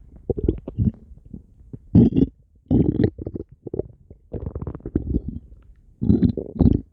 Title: stomach growling 8